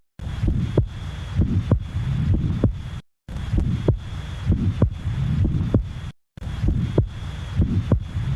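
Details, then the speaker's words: Mechanical aortic valve prosthesis: sharp, metallic clicking valve sounds with a soft rushing systolic ejection murmur between them, reflecting some degree of outflow obstruction. "em válvula Protética algum grau de obstrução do fluxo de saída com um sopro sistólico de ejeção resultante"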